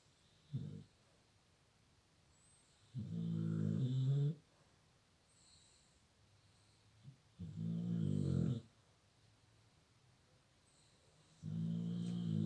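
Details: Low, rumbling snores on the in-breath, three long ones about four seconds apart after a brief snort, in a quiet room; snoring.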